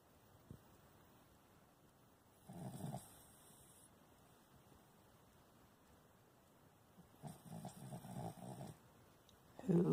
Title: Snoring #bostonterrier